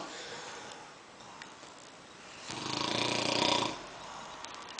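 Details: Snoring: a single loud, rough snore rises over faint room noise, with quieter breathing on either side.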